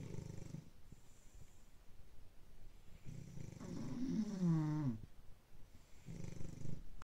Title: Bulldog snores